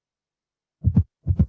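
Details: Simulated intermittent auscultation with a fetal Doppler: rapid paired whooshing fetal heartbeats at a normal baseline of about 140 bpm, heard through a contraction.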